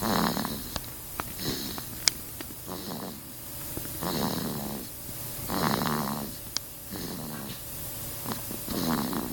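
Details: Sleeping baby snoring: soft, rhythmic rattling snores with each breath, roughly every two seconds, with faint snorts and small clicks between.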